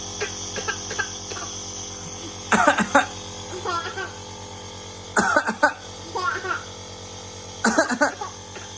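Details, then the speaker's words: Young child with severe breathlessness at night for two days, given steam inhalation: three short bursts of coughing, possibly child and adult mixed, as the adult coughs and the child coughs back, over a steam inhaler's steady hum. "അതിനിടയ്ക്ക് ഒന്ന് ചുമച്ച് കാണിച്ചാൽ അവൾ ഇങ്ങോട്ട് തിരിച്ച് ചുമയ്ക്കുവാണേ. ചുമക്കട്ടെ ഞാന്."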